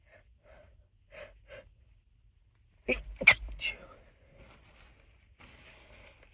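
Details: Person in an unedited session of repeated nose blowing: soft sniffs, then a few quick muffled sneezes held back in the nose and mouth, followed by quiet breathing; stifled sneezes.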